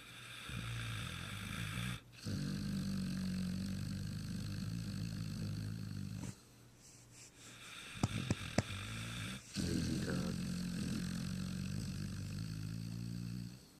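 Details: A year-and-a-half-old Pitbull snoring loudly while asleep at night.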